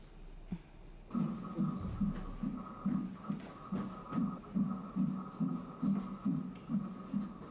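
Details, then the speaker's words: Rapid, regular whooshing thumps at about 140 a minute over a steady hum: a fetal heartbeat on a monitor during a pregnancy exam in a TV drama scene. "ses ne ne Bebeğinizin kalp atışları"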